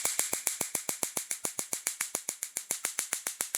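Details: Picosecond laser tattoo-removal machine (Q-switched Nd:YAG, 755 handpiece, energy and frequency adjustable) firing: rapid, regular sharp snapping clicks, about 3.5 per second.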